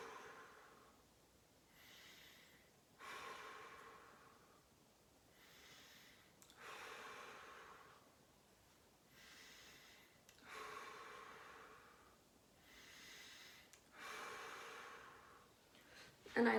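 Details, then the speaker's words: Patient breathing out through the mouth a little deeper than usual during anterior chest auscultation, starting at the trachea: slow, deep, airy breaths at about 15 a minute, no wheeze or crackle; normal deep breathing. "i'm going to have my patient breathe out through his mouth a little deeper than usual"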